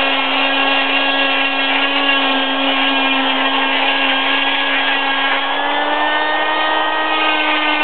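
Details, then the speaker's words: Loud, steady high-pitched whine with grinding as an oscillating cast saw cuts more along the side of a plaster cast on a right wrist broken snowboarding, removed 6 weeks after injury, to free the restrained wrist. "what I'm going to do is I'm going to cut some more on the on the side here okay okay and that should make it work"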